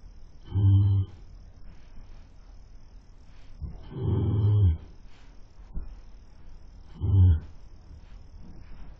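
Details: Horse snoring while asleep, recorded on a webcam: snoring.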